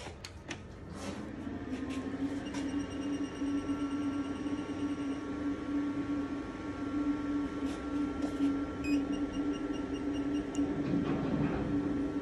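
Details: A PicoSure picosecond cosmetic laser machine operating in a small room: steady machine hum with a few clicks and beeps.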